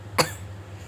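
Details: A single short, dry cough over faint room hum, during a screen-recorded tutorial; cough.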